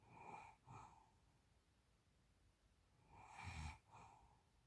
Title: Snoring sleeping feet